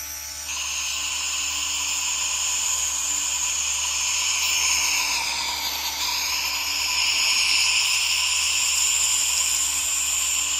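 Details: Steady high hiss and whirring hum with a brief dip in pitch midway: a nebulizer running alongside a misting humidifier, recorded as relaxation ASMR.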